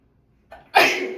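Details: Single loud explosive sneeze after a short inward catch of breath, in a person who reports being stuffed up with a swollen-feeling face since being around a cat the day before.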